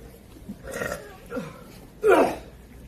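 Three deep, throaty belches, the last long and loud, in a small room.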